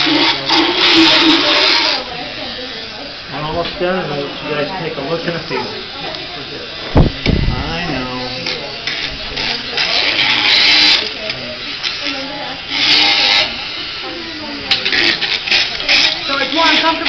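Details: Motorized equine dental float on a horse's teeth: loud buzzing that comes and goes, with voices between bursts, while the back four teeth are done after the front two. He feels no pain, just vibration.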